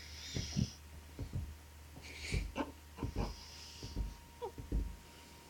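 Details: Soft, irregular snorting and snuffling breaths with uneven rhythm from a sleeping dog, over steady room hum; snoring.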